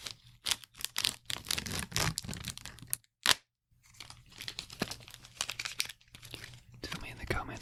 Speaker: would you like better the paper sound or the plastic sound